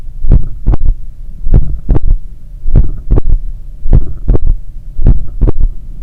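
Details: Adult's own heart recorded with stethoscope at the point of maximum impulse (apex) after an 8 km run: slow, loud beat about 50 a minute with a soft extra thump after each second sound, a third heart sound (S3).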